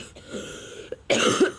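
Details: Repeated coughing from a person who says they are very sick, with a cracky voice: cough.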